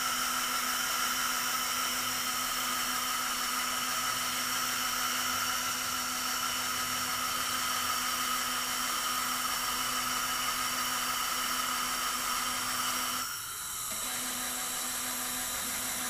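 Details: Dental drill during non-surgical placement of an anterior dental implant: steady high-pitched whine running almost continuously, with a brief dip near the end.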